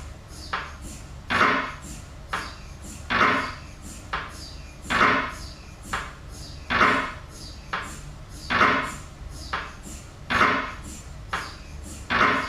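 Loud rhythmic knocking from a machine, repeating about every two seconds, typical of an MRI scanner running.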